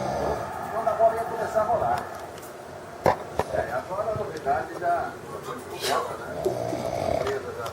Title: Meu amigo roncando!